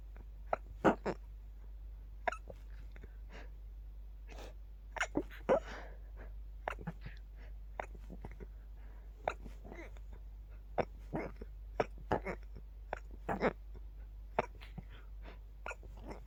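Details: Adult with a night-time itchy sneezing attack, stifling sneezes to stay quiet: a rapid run of very quiet, suppressed sneezes, soft bursts coming closer together, in a quiet room with low hum; stifled sneezing.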